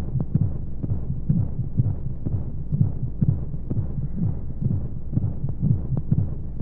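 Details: Womb sound played as a sleep aid for babies: steady, regular low muffled thumps with a soft whooshing hum of flowing sounds and white noise underneath; a heartbeat as heard from inside the womb.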